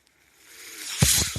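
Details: Ventilator audible behind the user's own speech while he records a Star Wars podcast; a soft airy hiss builds steadily, then surges into a louder rushing gust of air. Mechanical ventilator breath cycle.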